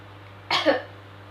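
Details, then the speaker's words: Effective cough technique demonstrated seated, leaning back with the neck slightly bowed. After deep breathing, the breath is held on the fourth inhalation, then a short, forceful voluntary cough in two quick pushes. "Hai pada tarikan nafas keempat tahan nafas dan lakukan batuk2 kali Hai"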